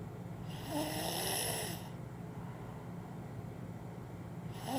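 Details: A 2-year-old's very loud snore: a harsh, rattling snore on an inward breath, then a pause before the next snore begins.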